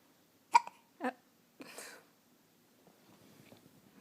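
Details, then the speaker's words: 2½-week-old infant girl with hiccups for about 10 minutes despite patting, fussy: three sharp, brief hiccups about half a second apart in a quiet room; infant hiccups. "yeah the hiccups yep you pat him for about 10 minutes so far"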